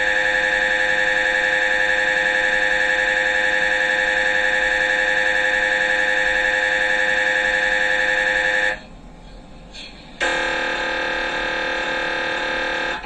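Loud, steady, rapid buzzing beeps at about 220 a minute, briefly stopping then resuming: the ordinary noise of an MRI scanner running a sequence.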